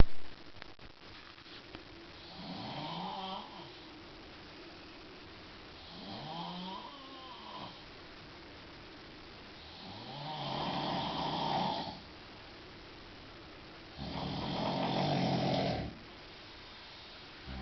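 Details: Adult man snoring in a hotel room around 3 a.m.: four long, rough snoring breaths in about 17 seconds, some rattling, separated by quiet pauses, around 14 breaths a minute; notoriously loud, varied snoring.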